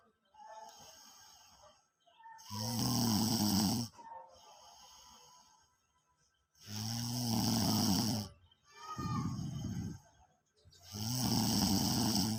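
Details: Very tired after 5 hours of walking exercise: loud, rough snores on each breath in, with quieter breaths out between them, about 14 breaths a minute; snoring.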